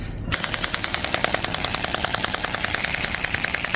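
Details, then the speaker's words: Radial extracorporeal shockwave therapy device firing on stiff muscle, fascia or trigger points, with ultrasound gel, during a treatment demonstration: rapid, regular sharp clicking pulses, about 200 per minute. "이제 방사형 포인트는 이렇게 근육이 많이 굳어 있거나 아니면은 뭐 이렇게 이게 금막 자체가 좀 굳어 있거나 이런 아니면 좀 이게 이게 통증점이 잡히거나 요런 부위들이 있습니다."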